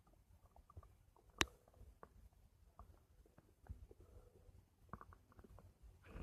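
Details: Stomach making noise: quiet, irregular gurgles, clicks and brief squeaks over a soft background hiss, one sharper pop; borborygmi.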